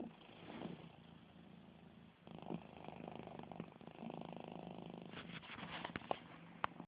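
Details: Pet cat snoring while asleep: low, steady rattling rumble with each breath, louder in the second half; owner says he can get even louder.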